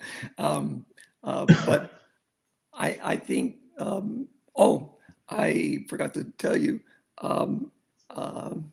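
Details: Aphasia in an adult male stroke survivor, acquired after a severe stroke, with over a decade of rehabilitation since; real patient.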